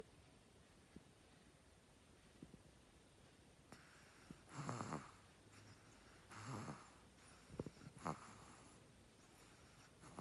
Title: #puppy #cute #snoring #puppysnoring